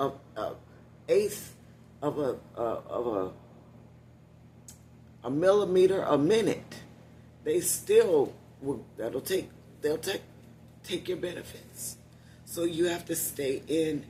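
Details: Adult woman with one vocal cord paralysed, voice lost about three years ago; she must push much more air out to speak and tires when speaking loudly; unilateral vocal cord paralysis.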